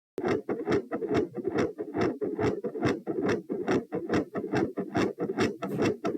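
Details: Heart sounds recorded at position P with the person standing up: fast, regular tachycardia near 140 beats per minute, with a quiet first heart sound and a loud second.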